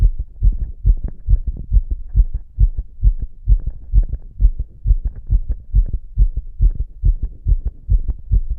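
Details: Adult self-auscultating with two stethoscopes on the chest after inhaling poppers: fast, regular heartbeat at about 140 a minute, tachycardia.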